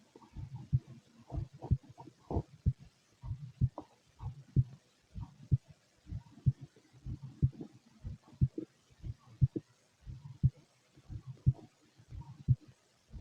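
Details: Heartbeat: soft, regular low thumps in paired beats, about 60 a minute, recorded alongside empty-stomach sounds.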